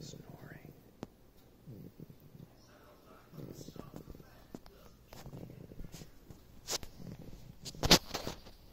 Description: This little bottle lamb finally decided to take a nap after much bouncing... Tiny snores commenced.